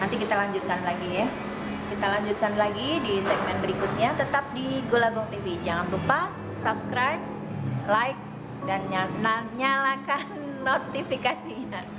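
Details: Young female speaker; ordinary speech.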